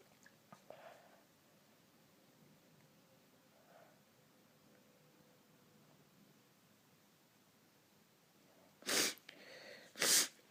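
Quiet room with soft sniffing, then two sharp explosive sneezes close together near the end.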